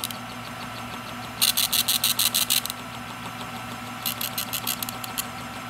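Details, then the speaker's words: Built-in printer of an OSM100100 freezing point osmometer printing single-test osmolality results: two runs of rapid, regular mechanical ticking over a steady room hum. "you have the option to save into the system and also to print out the results onto this sheet here"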